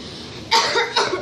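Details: Acted, simulated cough expression: two quick, sharp coughs after a moment of room hiss.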